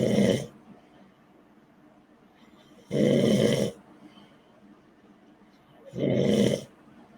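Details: Loud, rough snores recurring about every three seconds, roughly 20 a minute, with quiet breathing between: snoring.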